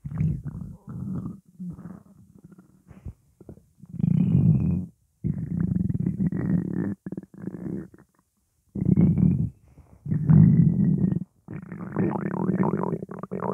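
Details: Morning hunger: repeated low, drawn-out rumbling and gurgling from a hungry stomach; ordinary bowel sounds (borborygmi).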